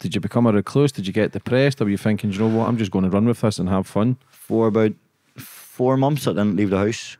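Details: Adult male speaker; typical speech.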